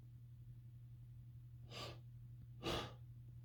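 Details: Male's big sneeze buildup: two noisy, hissing, gasping inhalations over a steady low room hum, the buildup breaths before a sneeze.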